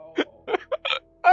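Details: Two people with hiccups at the same time: several short, abrupt voiced hiccup sounds in quick succession with a faint steady tone behind; ordinary hiccups.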